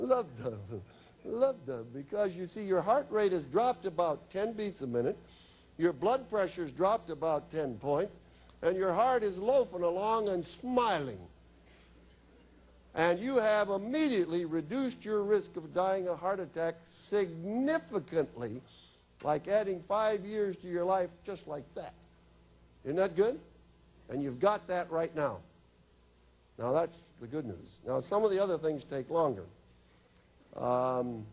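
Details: Adult male speaker; normal speech.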